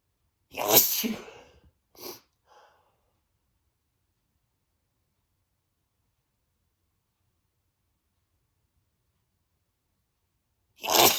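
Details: Male sneezing on himself, huge desperate sneezes: a loud explosive sneeze with small follow-on sounds, a long silence, then the start of another forceful sneeze; sneezing.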